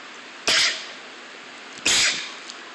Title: Sneeze Attack!